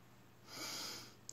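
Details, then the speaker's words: Mother with long-standing asthma, recorded during an asthma attack: a single harsh, hissing breath with rushing air noise in a small quiet room; laboured breathing. "my young children have minimal clue because my asthma's button so under control for years that they don't know what it's like for their mom not to be able to breathe"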